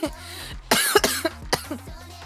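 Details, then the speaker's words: Adult with a summer cold and persistent cough: a run of about four harsh, explosive coughs. "다른 건 다 괜찮은데 계속 기침이 나가지고 기침만 안나면 괜찮은데 계속 기침 아 기침이 계속"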